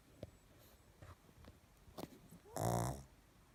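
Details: Sleeping pug snoring: faint clicks and breaths, then one loud, low, buzzy drawn-out snore.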